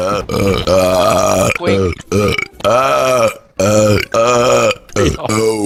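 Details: Burping compilation: a run of long, loud, voiced belches, one after another with short gaps.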